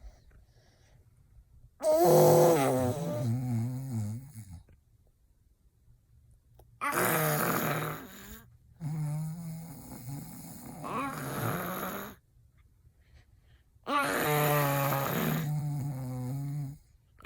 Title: Baby mimicking my snore / hilarious